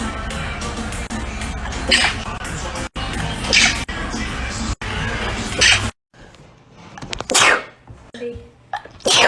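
Several sharp, explosive sneezes in a row over music and room noise, ordinary sneezing.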